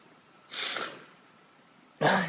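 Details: Sneezing in a small Yorkie dog: two short, sharp nasal bursts of air, the second louder.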